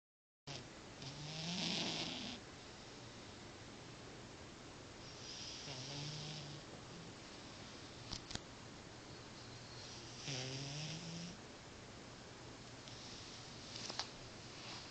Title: Mista Kitty Snoring